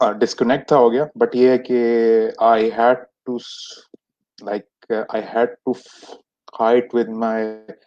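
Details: Adult who has stammered since age 6, with many speech therapies that did not help; stuttering.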